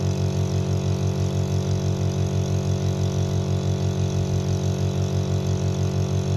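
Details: Taiwan-made nebulizer compressor running normally: steady low motor hum with fast regular pulsing, about three pulses a second.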